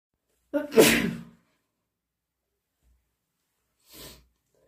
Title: Induced/cat allergy sneezes + sniffles and blows